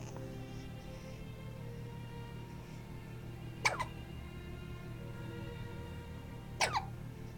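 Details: A newborn girl, six days old and said to hiccup constantly, gives two sharp little squeaky catches about three seconds apart over background music: hiccups.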